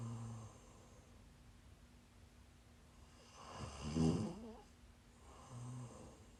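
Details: Snoring while sick: quiet rumbling snore on inhalation between soft breaths, in a quiet room.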